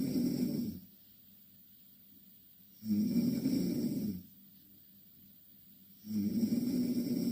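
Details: Two Korean girls snoring in the same bed: three loud, rough, low-pitched inspiratory snores about three seconds apart with quiet pauses, ordinary snoring.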